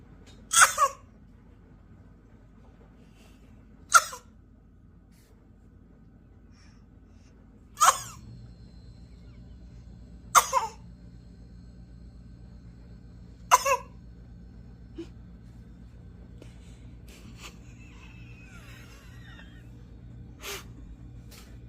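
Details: A young girl gives five short, deliberate fake cough bursts spaced a few seconds apart; voluntary cough.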